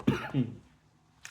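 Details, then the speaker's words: Adult still recovering from a cold: two quick, low, throaty cough bursts, a lingering cough. "I apologize about that cough. Um, still still a bit of a cough"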